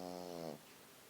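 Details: Small white Pekingese dog asleep: a single brief, droning snore of about half a second, then quiet; snoring.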